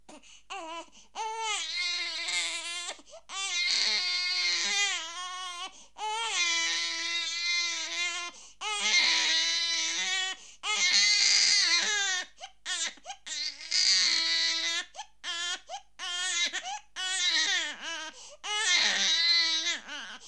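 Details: Unhappy baby crying, from a sound-effect recording: repeated high-pitched wails broken by quick catch breaths, in a small room.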